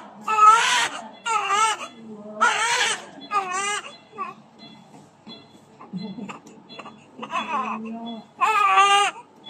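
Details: Newborn of about 3080 g, a second child, just after delivery: strong, repeated bursts of crying, loud and clear between short pauses; a healthy newborn cry.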